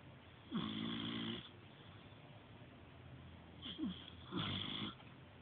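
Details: Snoring in an old male sleeping in a feather ball: two drawn-out, buzzing, tonal snores on breathing in, over steady room hiss.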